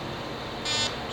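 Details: Fractional laser resurfacing on a patient's neck, with the laser held down on a foot pedal to make rectangular treatment areas; steady electronic hum with a brief high-pitched beep as the laser fires a pulse.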